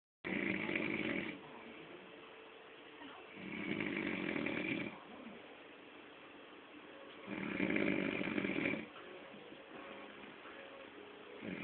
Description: Snoring man